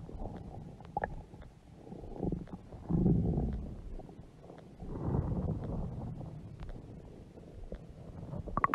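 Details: Woman's huge belly stomach growling: low, irregular gurgling and rumbling swells with a few sharper pops, stomach growling from gas and fluid moving through the gut.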